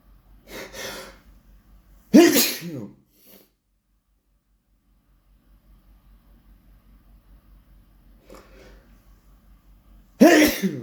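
Several loud, forceful sneezes with an in-breath before each and quiet pauses between; sneezing.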